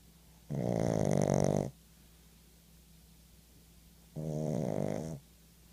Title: Pug " PJ" really tired n snoring., got double job, thats why .. lol